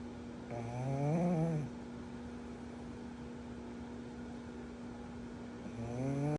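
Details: Sleeping pug puppy: two loud, rattling, pitched snoring breaths over a steady electrical hum in a quiet room.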